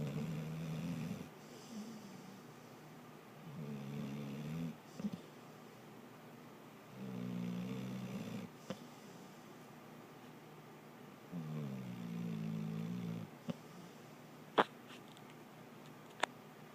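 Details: Repeated low fluttering snores from a sleeping pet, about four over sixteen seconds with quiet gaps and a few faint clicks; snoring.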